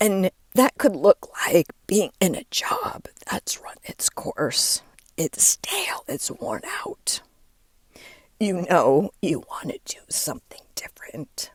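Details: Adult woman with diagnosed spasmodic dysphonia, onset when her voice started to go and words barely came out while speaking at an event; she links it to stress and says it is still audible as she works through it.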